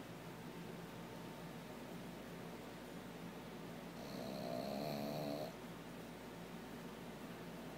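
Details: Pug sleeping beside its owner, with one snorting, rattling snore of about a second and a half over a steady room hum: snoring.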